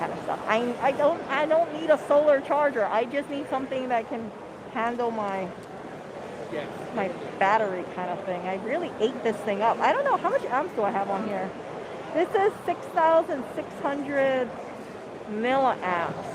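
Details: Man who says he stutters a lot and that his intonation is not smooth, speaking with word repetitions; stuttering.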